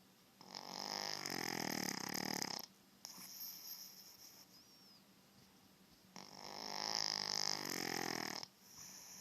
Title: You think your wife snores!